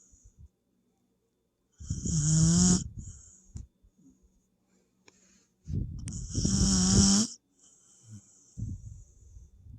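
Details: Dog (puppy) snoring: two loud snores with a rough, fluttering sound and a whistling edge on breathing in, about 13 breaths a minute, quiet between them.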